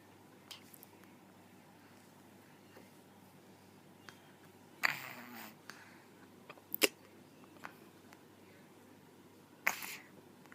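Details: A mother and daughter both have hiccups at the same time: three brief, abrupt hiccup bursts at irregular intervals in a quiet room.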